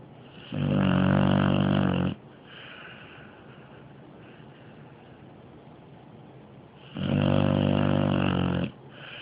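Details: Dog snoring very loudly: two long, loud, rumbling snores on the in-breath, with quieter breathing between them. Heavy snoring.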